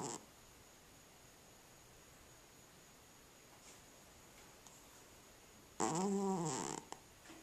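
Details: Sleeping cat with sleep apnea: about six seconds of near silence, then one loud, rough, snorting snore lasting about a second, a breathing pause ended by a snore.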